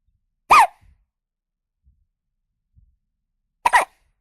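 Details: Baby with hiccups: two brief, sharp, voiced catches about three seconds apart in silence.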